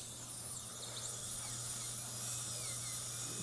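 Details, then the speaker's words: Chairside dental appointment, finishing and polishing composite restorations after the bite check: continuous high-pitched whirring of a dental handpiece with a low hum beneath; dental handpiece polishing. "That's awesome, and that looks really good, Kelly. So we'll just finish up our polishing now."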